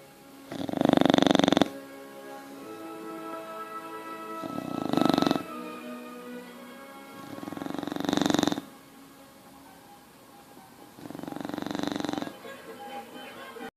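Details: Bulldog snoring in sleep: loud, rattling snores, about four in fourteen seconds, with background music.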